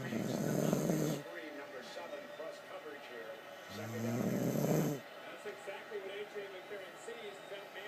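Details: Suzi, a dog, snoring while asleep; two long, low, rumbling snores with quieter snuffling breaths between them, over some background noise.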